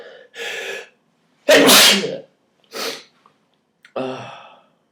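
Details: Series of sharp sneezes, one loud and explosive, with brief breaths between, triggered by pulling nose hairs; the person swears between sneezes; ordinary sneezing.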